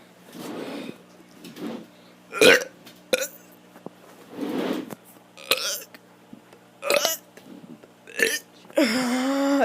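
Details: Child burping on purpose for a video: about eight loud, voiced belches separated by short pauses, ending in a long drawn-out burp; afterwards complains of stomach and rib pain.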